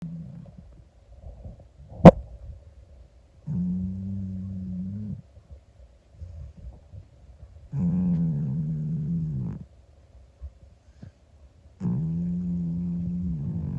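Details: Sleeping 25-year-old calico cat snoring: long, rumbling, regular breath sounds.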